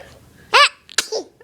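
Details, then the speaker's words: Baby struggling to sneeze, then a single sharp infant sneeze, followed by a soft breath and a small vocal sound; sneeze. "I know you want to sneeze. I know you want to sneeze. You are trying so hard."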